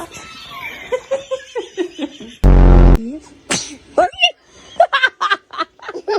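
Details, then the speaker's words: Newborn baby gives a single short, loud sneeze amid adult cooing and laughter; sneezing. "Oh, goodness. Were you about to sneeze? Bless you. Bless you."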